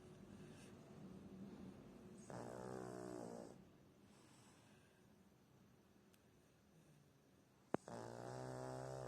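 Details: Person snoring loudly during sleep: two loud, buzzing snores on inspiration separated by quiet breathing pauses.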